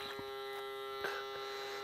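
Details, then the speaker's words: Navage powered nasal irrigation machine used by an adult with long-standing allergies: steady low motor hum with faint gurgling clicks as saline is suctioned through the nose, back of throat closed. "the best of your ability try to keep the back of your throat closed and it'll suction everything through as proper but yeah this does take a couple of minutes to go through and clean so bear with it"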